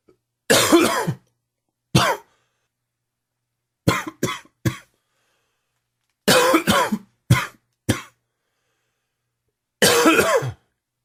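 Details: Smoker whose coughing is worsened by humid weather and heavy smoking: about nine harsh, dry coughs in short bursts with pauses between; recurrent smoker's cough.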